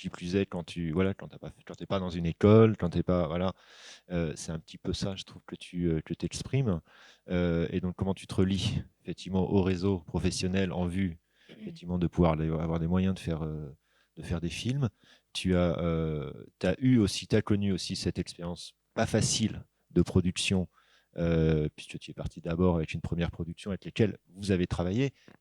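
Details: Adult man speaking French; normal voice.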